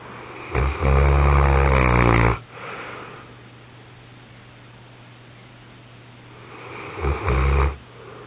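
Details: Pyrenean Mountain Dog snoring during an afternoon snooze: two loud, low, rattling snores separated by a quiet pause.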